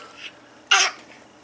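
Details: Bad cough in an 8-month-old baby boy, recorded August 2011; parent remarks it is a bad cough and he may need the doctor.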